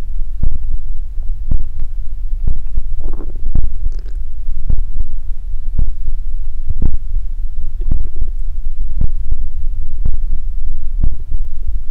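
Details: Close-miked body ASMR recording of stomach growling (borborygmi): muffled low thuds and gurgles with brief bubbling rumbles, normal bowel gurgling.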